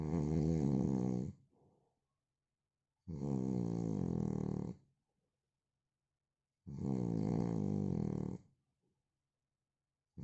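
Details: Man snoring: loud, rattling snores about every three and a half seconds, roughly 17 a minute, with quiet pauses between.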